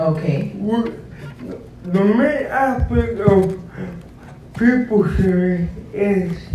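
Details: Adult man described as physically challenged with a speech impediment, a wheelchair user needing a personal care assistant: dysarthric speech.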